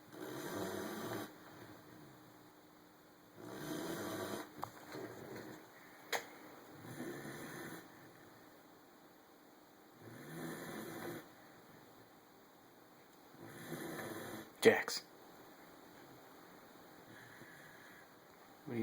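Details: Snoring from a sleeping German Shepherd puppy: soft, rhythmic, hissing snore-like breaths about every 3 to 4 seconds, with a faint room hum and a few clicks.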